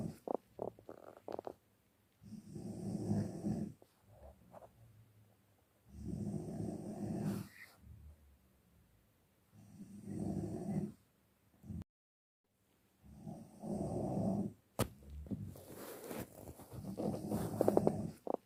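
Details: Snoring in deep sleep: loud rattling snores on each breath in, roughly every four seconds, with quieter breathing between.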